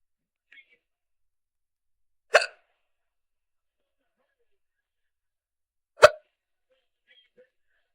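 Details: Young woman just starting to get the hiccups: two sharp, brief hiccups about four seconds apart in a quiet setting.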